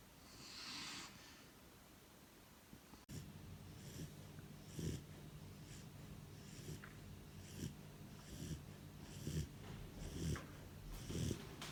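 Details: Four-month-old German Shepherd puppy snoring while asleep at home: soft, irregular snorting breaths about every second over a steady room hum.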